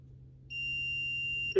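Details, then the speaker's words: Steady high electronic tone for about a second, then cutoff, as a training AED delivers a shock after advising shock, with pads placed diagonally on the chest; voice prompt: stand clear, shocking now, shock delivered. "okay it wants to shop everybody back stand clear shocking now delivered"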